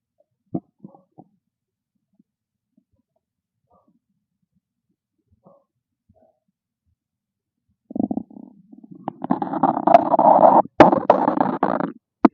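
Quiet gurgles, then a loud, long rumbling growl from an empty stomach; normal hunger sounds.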